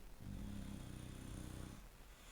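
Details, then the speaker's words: A cat snoring loudly with a low, rumbling, sustained vibrating breath lasting over a second before fading into quiet room noise. "gorgeous job you are snoring so loud"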